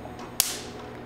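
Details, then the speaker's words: Quanta Q-Plus C Q-switched tattoo-removal laser with homogenized Optibeam, demonstrating pulse speed: a single sharp snapping crack over quiet room hum, one laser pulse firing. "This is to show the speed of the Q plus series or the MDK Series. This is to accentuate the optobeam technology where we are using a homogenizing beam to perfectly distribute the energy across the beam profile"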